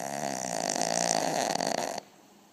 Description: Daisy my 5 kg puppy snoring away whilst having cuddle time.